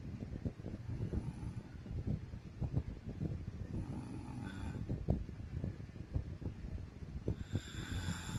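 Steady low, rattling, fluttering snore heard throughout, quiet and continuous; ordinary snoring during sleep.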